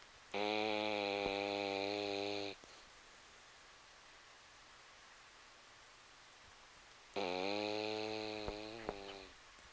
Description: My beagle Vina Velveeta snoring.